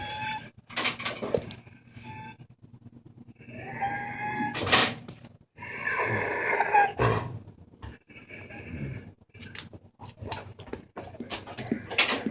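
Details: A dog with laryngeal paralysis in an episode of respiratory distress despite medication, needing emergency vet care, "like breathing through a cocktail straw": harsh, high-pitched, whistling in-breaths, inspiratory stridor.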